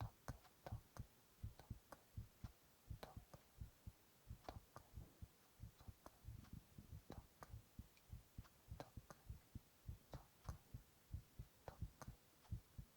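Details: A male's heartbeat recorded while he whispers onomatopoeia: steady, soft low thumps with faint whispers and mouth clicks over them; heart sounds.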